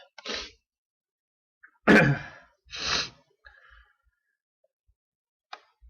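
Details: Adult with uncontrollable hitching and sneezing: short catching in-breaths, then one loud explosive sneeze followed by a breathy exhale.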